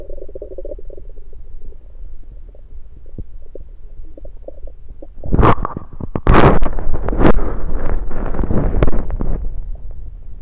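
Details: Stethoscope moved around the belly, recording focused on stethoscope placement: soft low gurgles and rumbles, then louder gurgling bursts as the chest piece moves; ordinary bowel sounds.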